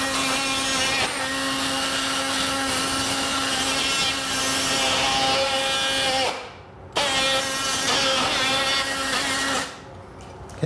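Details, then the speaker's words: Loud powered bone saw in two long bursts with a short pause, the blade passed through a cutting-guide slot to saw off the end of a model femur during a simulated knee replacement demonstration. "See I'm putting this saw blade through a slot and sawing off the end of the bone."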